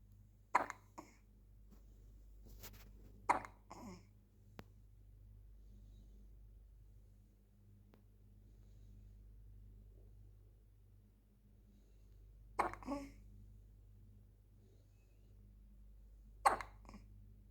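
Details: Baby: four soft, sudden catch sounds spaced several seconds apart in a quiet room; infant hiccups.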